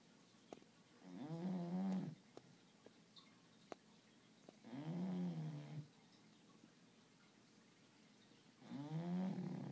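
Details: Snoring in sleeping bulldogs (one aged 1 year, one 5-month puppy) napping: three long, low, buzzing snores about three seconds apart, roughly 16 a minute, with quiet pauses.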